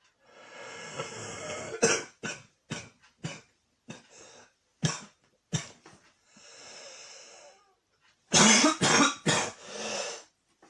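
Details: Adult coughing fit from a cold: about a dozen intense, harsh coughs broken by long noisy breaths in.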